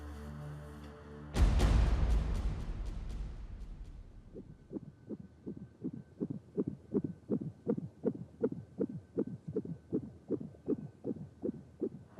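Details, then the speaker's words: After a loud burst, fast regular whooshing beats about 160 a minute over a steady tone: fetal heartbeat on a hospital monitor in a TV drama scene. "kesin bir şey söyleyebilmemiz için bebeğin kalp atışlarını duymamız lazım"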